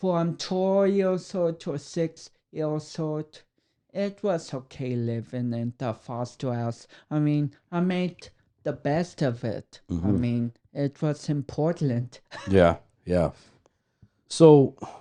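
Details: 32-year-old man with cerebral palsy, which he says affects the brain areas controlling speech coordination and walking; dysarthria in cerebral palsy.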